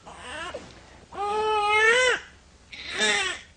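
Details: A two-month-old swaddled baby boy being calmed by placing him in the side position: three loud, drawn-out infant cries in a quiet room.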